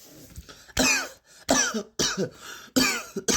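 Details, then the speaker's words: Four loud, harsh acted coughs in quick succession with short gaps, from a person in a comedic classroom skit; the cough is jokingly blamed on COVID-19. "Oh, who's coughing? What's that? What is that?"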